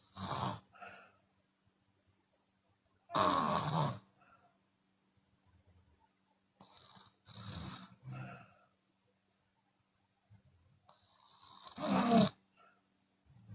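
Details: Chinese woman snoring with an open mouth, sometimes on exhale: loud rough snores in long pulses with quiet gaps between, some noisy on the out-breath, in a quiet room.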